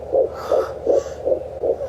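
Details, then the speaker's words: Fast, regular whooshing pulses, about 153–159 a minute, of a fetal heartbeat heard with an at-home fetal Doppler. "But anyways, yeah, that was great. I'll go ahead and I'll insert a clip right here of the heartbeat."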